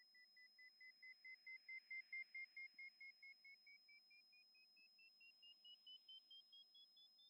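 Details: Mimi Hearing Test app on iPhone played through AirPods Max, actual test on the right ear. Short pulsed beeps, about two a second, rising slowly in pitch and swelling then fading in loudness: pure-tone hearing test tones.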